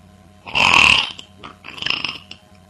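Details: Two loud, rough, gurgling belches in quick succession, the first longer and louder; real, ordinary burping from a person called Mo.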